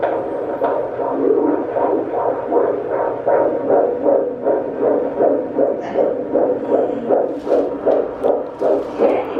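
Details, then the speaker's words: Fetal heartbeat on Doppler at a 15-week prenatal visit: rapid, regular whooshing pulses in the 150s per minute, a healthy rate in normal range. "After that, they took the baby's heartbeat. It was healthy. It was in the range that it needed to be in."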